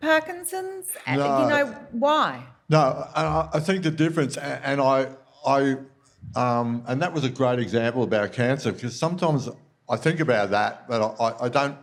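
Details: Speech disfluency with a slight stammer in a man with Parkinson's disease diagnosed February 2022, about three years earlier; reports breathlessness when reading aloud and has had speech pathology.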